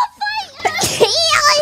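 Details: Streamers' sneeze during Minecraft gameplay: a short voiced sneeze, a rising 'ah' into a sharp burst, then a trailing vocal sound, over background game audio.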